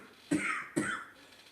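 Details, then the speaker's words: Older man ('Pop'), asked to clear his throat: two short, harsh throat-clearing bursts with a rough, slightly wet edge, phlegm heard coming up. "Clear your throat. Yeah, I can hear it, Pop. Like some phlegm. Coming up."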